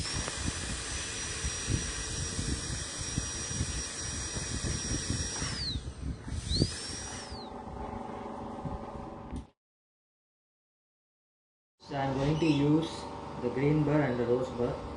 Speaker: to just give a finish using it on a slow speed micro motor